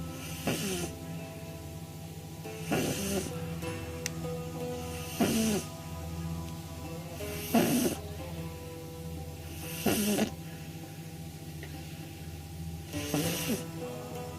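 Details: 9-week-old pug puppy sleeping on her back, eyes rolled back, snoring: snorting snores every two to three seconds, about 25 breaths per minute, recorded on a phone over background music.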